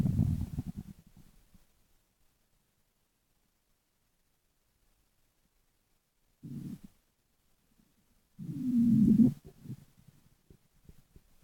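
Low rumbling and gurgling gut sounds in separate bursts with quiet between, ordinary stomach growling.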